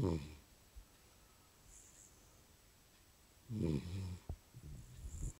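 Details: Dog falling asleep and snoring very loudly: a couple of loud, rough snorting snores separated by quiet breathing.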